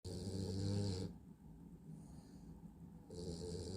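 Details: Drowsy dog sitting upright on command, nodding off but staying seated: low rattling snore on the breath, a quiet pause, then the rattle returns; snoring while half awake.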